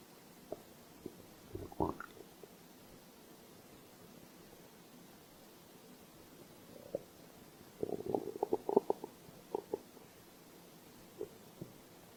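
Intermittent bubbly gurgles and squelching rumbles in two clusters, quiet between; ordinary hunger stomach growling.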